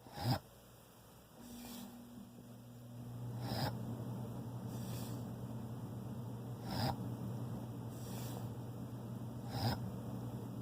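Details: Pet named Ozzie snoring while asleep: loud snorting breath noises recurring about every three seconds, softer ones between, over a steady low hum; sounds like he's drowning in sleep.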